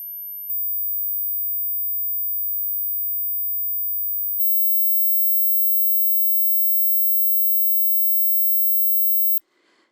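Steady, very high pure tones join one after another and stack, then stop abruptly; a high-frequency hearing check whose top tone may be inaudible with high-frequency hearing loss.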